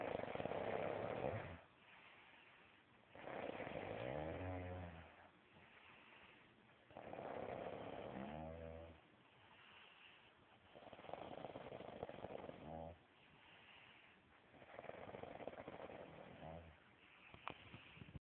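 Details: Regular rattling snores on each breath, about 15 a minute, with quieter breath-outs between, during sleep: snoring.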